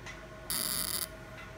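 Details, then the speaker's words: Fractional CO2 laser firing over an accident scar on a patient's hand, after topical anaesthesia and mesotherapy: steady high-pitched electronic buzz of about half a second with faint room hum; stamping pattern clearly visible on the treated scar. "yes one can easily see the stamping pattern it's very very clear the stamping pattern on the poles gone and now we will after completing the laser"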